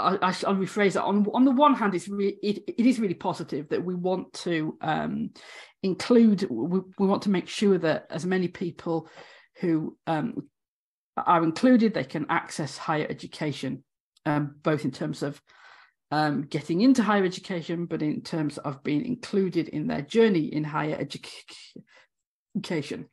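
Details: Adult woman, former university lecturer of 18 years, who has a stammer; stammering (stuttering).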